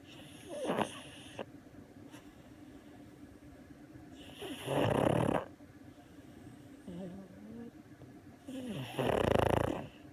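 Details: Pug asleep on owner's lap: loud rasping snores on each breath, a few seconds apart, with quieter breaths between; snoring in a flat-faced dog.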